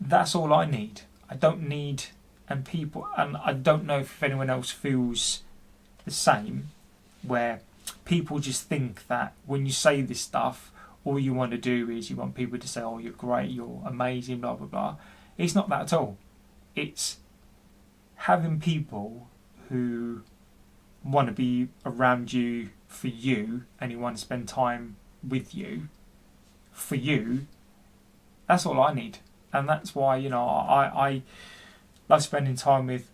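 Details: Adult man, 40, who stammers and reports intense depression for which he has seen his GP; speech with repetitions; stuttering.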